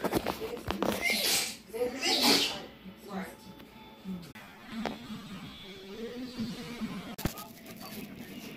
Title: the way she sneezes